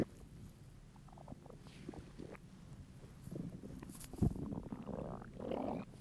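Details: An adult male's hungry stomach: low gurgling, bubbling rumbles from the belly, ordinary hunger borborygmi.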